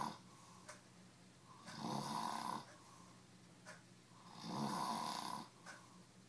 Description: My best friend assed out, after drinking almost a handle of vodka. Having fun with a snoring drunk.